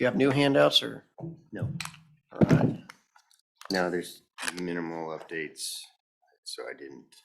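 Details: Adult male speaker; normal voice.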